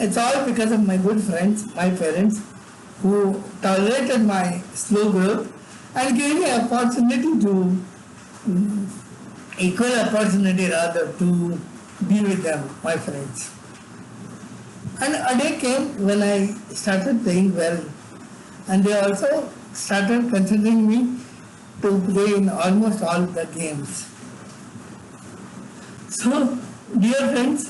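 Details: Adult man with severe cerebral palsy from birth, involuntary tremors throughout his body, and no speech until age eight: dysarthric speech in cerebral palsy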